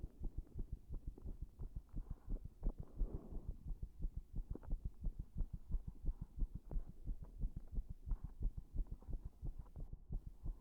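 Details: Rapid, low heart thumps with slightly uneven spacing and brief rubbing noises from chest contact; an irregular heartbeat brought on by pressing on the chest.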